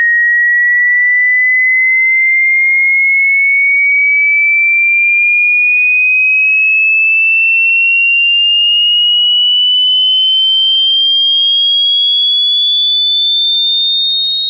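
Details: Hearing-test frequency sweep: a steady pure sine tone climbing slowly and smoothly from a high whistle to a piercing pitch, part of a sweep from 20 Hz to 20 kHz.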